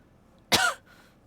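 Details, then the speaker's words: Single harsh, explosive cough with a brief rough tail, from a streamer with a combined head cold and sore throat, heavy runny nose, not COVID, after a hospital visit. "진짜 콧물이 개빡 이게 코 감기랑 목 감기랑 같이 걸려 가지고"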